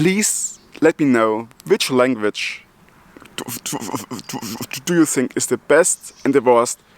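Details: Adult German man with multiple sclerosis who stutters, speaking English as a non-native language; stuttering.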